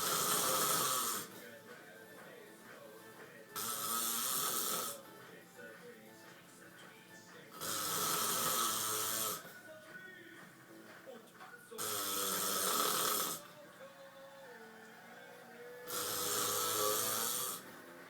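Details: Husband snoring during sleep: loud, rough snores about every four seconds, roughly 15 a minute, over background music; regular heavy snoring.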